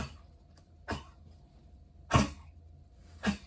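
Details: Cough from a dog with a collapsed trachea: three short, harsh coughing bursts about a second apart in a quiet room.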